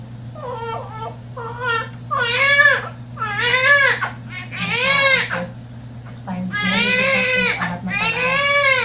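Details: Strong, repeated newborn cries with rising and falling wails over a low hum, from a large newborn boy just after fast normal delivery with cord coil; vigorous newborn cry.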